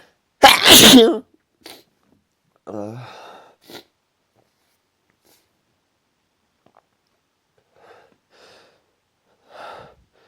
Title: Strong strong sneezes